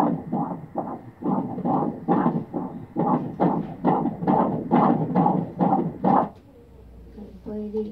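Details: Regular rhythmic whooshing pulses at about 137 a minute over background music: a fetal heartbeat on ultrasound.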